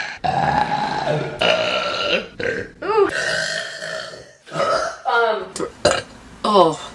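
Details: Compilation of girls burping: a series of long, loud, voiced belches, some rising and falling in pitch, from several people in turn; burping.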